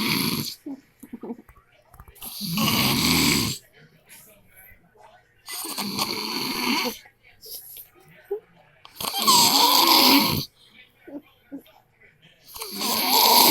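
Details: Adult man (husband), very loud habitual snorer: loud, rough snores on each in-breath, about 18 a minute, with quiet pauses between; heavy habitual snoring.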